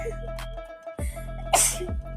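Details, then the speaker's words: A sharp, explosive sneeze after a brief catch of breath during a no-sneezing challenge, with music in the background and "bless you" said afterward. "Bless you bless you."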